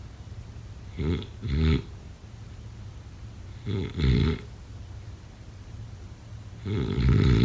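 Rattling, snorting snores in short double bursts about every three seconds, roughly 20 a minute, with a growly throaty quality; sleep snoring.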